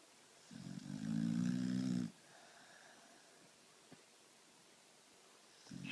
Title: Rumor snoring